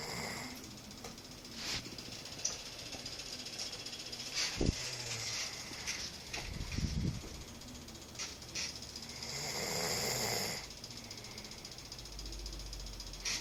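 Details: Father asleep, snoring with harsh, hissing, rattling breaths, snorting sounds and a long noisy breath out over room noise.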